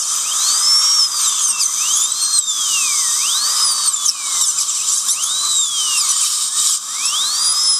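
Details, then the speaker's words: High-pitched whine of a dental surgical handpiece rising and falling with water spray hiss: decorticating extraction sockets to create bleeding holes during L-PRF bone grafting on a patient, with plenty of water. "This is a surgical handpiece. You can either use your surgical handpiece or your implant handpiece. What I'm going to do is just create some bleeding holes in every socket."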